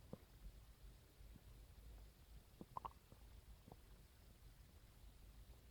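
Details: Own stomach growls recorded on a phone after waking in the morning: soft low gurgles, groans and brief rumbling squeaks from the belly over quiet hiss; normal bowel sounds (borborygmi).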